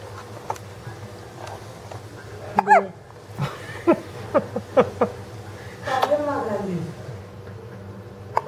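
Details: A run of short, abrupt hiccup-like bursts mixed with voice sounds and room noise: hiccups.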